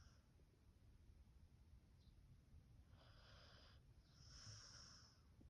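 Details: Beagle napping and snoring lightly in his sleep, with soft, faintly whistling breaths over a steady background hum.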